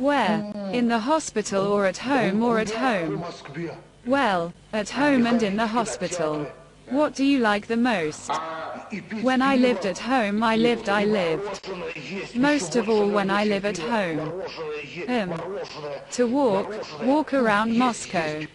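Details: Speech disorder in mild intellectual disability (debility) in a male psychiatric inpatient who complains of weakness and apathy, filmed in 1995; hesitations and repetitions.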